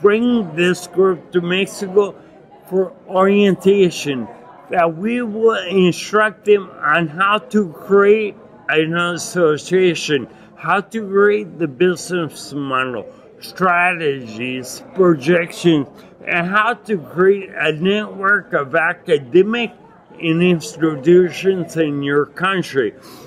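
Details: Adult man with acquired ataxia and myoclonus (Lance-Adams syndrome) after brain damage from Legionnaires' pneumonia and a 12-day induced coma; reports difficulty speaking and articulating; ataxic dysarthria.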